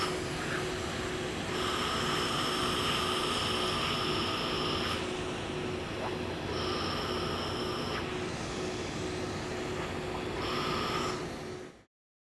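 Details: Nd:YAG 1064 nm long-pulse laser hair removal on skin type IV–VI with cold-air cooling: steady loud rushing air from the blower, a high tone, and rapid ticking pulses in bursts as the laser fires.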